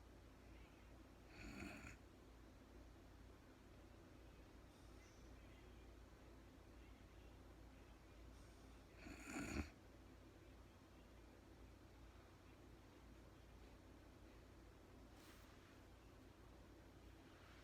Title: real time sleeping woman snoring no talking REM Anxiety relief return of beauty.